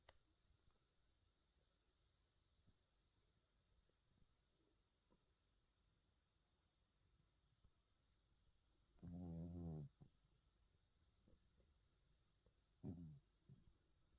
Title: Hermann cat sleeping, snoring and dreaming. The sweetest "little" snore ;-)